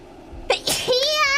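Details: VTuber sneezing during a gaming livestream: a quick breath in, then one sharp, high-pitched sneeze trailing into a sustained voiced sound.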